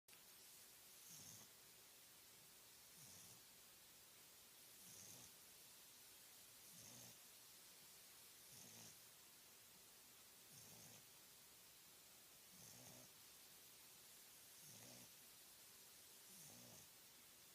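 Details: Sleeping bulldog puppy snoring: regular soft snuffling snores about every two seconds, roughly 30 a minute, over a steady hiss.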